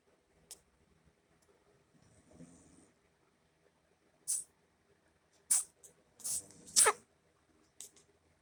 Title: Orange Cat Sneeze